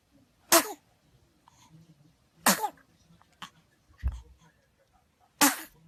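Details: Baby; three small, sharp sneeze bursts with soft sounds between them: infant sneezes.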